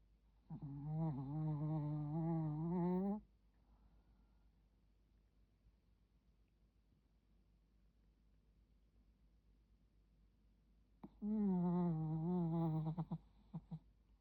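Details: A small Maltese dog snoring during sleep: long, low, droning snores on the breath in, separated by quiet pauses of several seconds.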